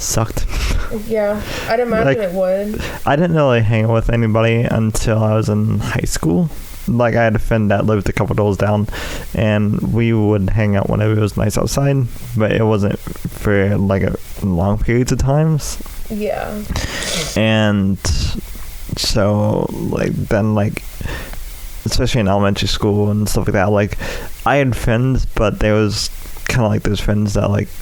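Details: Speech impairment in an adult male with cerebral palsy affecting the right side of his body, including right arm and leg, which he says causes his speech impediment.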